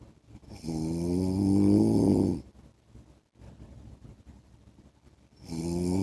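Loud, rattling, vibrating snores on inhalation with quiet breathing out between them; heavy snoring, about one breath every five seconds.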